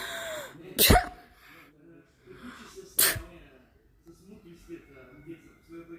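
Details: Two sharp, deliberately faked sneeze bursts about two seconds apart, made to see someone's reaction, with a soft voice and room sounds between them; simulated sneezing.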